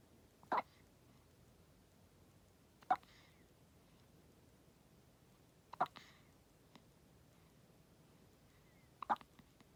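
Four short, sharp hiccups about three seconds apart, roughly 20 a minute, in a quiet room; newborn hiccups.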